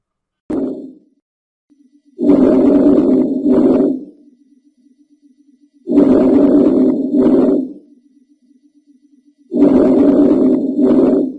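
Soft, low-pitched breathing at about 17 breaths a minute, with longer inspiration than expiration. These are normal vesicular breath sounds.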